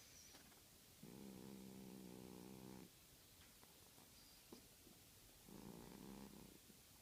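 Two drawn-out, buzzy, voiced breaths a few seconds apart in a quiet room: a sleeping cat snoring.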